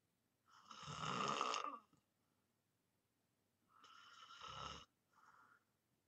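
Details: Loud rattling snores from a person in deep sleep, two long breaths with a shorter one after, separated by quiet pauses; ordinary snoring.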